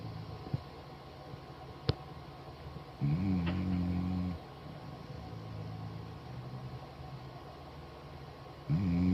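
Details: A sleeping dog gives a low, buzzing, human-like snore on a breath in, then quieter breathing before the next snore: typical snoring.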